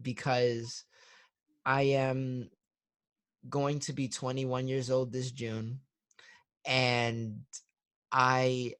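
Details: 21-year-old client of a stuttering therapy practice, with audible word repetitions; stuttering.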